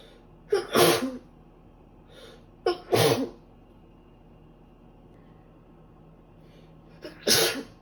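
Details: Three sneezes, each a sharp inward catch then an explosive burst, in a quiet room, from a woman on the second day of a cold who can't stop sneezing.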